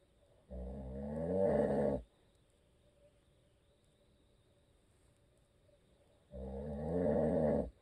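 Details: Husband who always snores, recorded for ASMR with no video: two long, loud, rattling snores on the in-breath about four seconds apart in a quiet room; heavy snoring.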